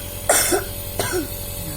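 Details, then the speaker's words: Child with dengue fever (DBD) and cough during nebulizer treatment, two short wet-sounding coughs over steady machine hiss; the productive cough is loosening phlegm. "kan batuk tuh lender-lendernya biar kata dokter begitu jadi lender-lenderan di sini itu kalau enggak batu dia keluar sendiri"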